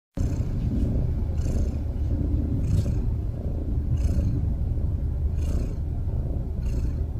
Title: cat snoring